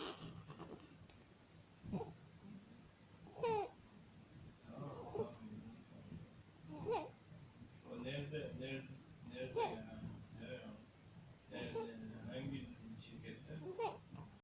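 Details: 50-day-old infant with laryngomalacia: noisy, high-pitched, crowing inspiratory stridor recurring steadily with each breath.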